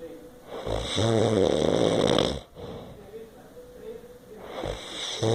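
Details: Man snoring: a loud, rough, rattling in-breath snore, a quieter breath out, then another snore beginning; heavy snoring with faint music behind.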